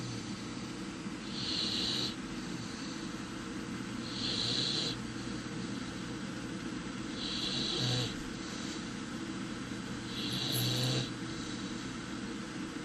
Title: Snoring Puppy